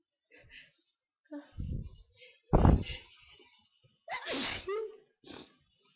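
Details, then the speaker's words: Night sneezing from hay fever, keeping the sneezer awake, with itchy, tickly nose: several short, forceful sneezes with sharp intakes of breath in a quiet room. "Uh, my nose is so itchy. Uh, uh, uh, tickles. Oh, so tickly."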